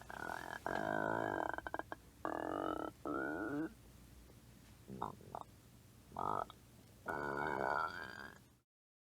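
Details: Stomach growling (borborygmi).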